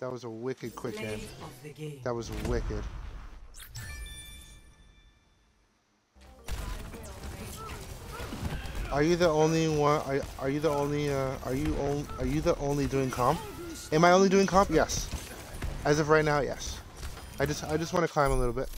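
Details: Stuttering in a male gamer who refers to his own stutter, with repeated phrases in this stretch.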